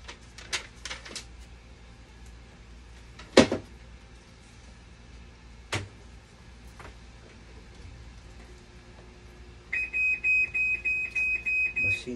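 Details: Scattered clunks in a quiet room, then repeated high electronic beeping from a dialysis machine leaking water at the bottom during a vinegar rinse, traced to a cracked valve tube: dialysis machine alarm.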